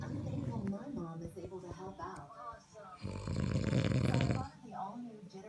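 A loud, rough, rattling snore on an in-breath stands out against quieter breathing and faint room sounds; typical snoring.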